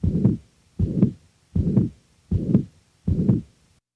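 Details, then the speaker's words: Recording from a patient with mitral regurgitation: regular beats, each followed by a steady, rather high-frequency blowing murmur beginning with S1 and lasting throughout systole to S2; pansystolic (holosystolic) murmur of mitral regurgitation. "the next example will demonstrate the actual sounds from a patient with mitral regurgitation in this example note the rather high frequency of the murmur a characteristic commonly encountered in this condition"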